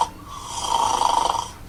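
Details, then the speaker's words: Loud snoring that ends in a choking gasp as the airway closes, given as an example of severe snoring with obstructive sleep apnoea; snoring with obstructive sleep apnoea. "여러분들 지금 이게 지금 소위 말하는 코골이하고 심해지면 이 소리 끝에 보면 컥 하면서 숨이 막히는 것을 들을 수 있습니다."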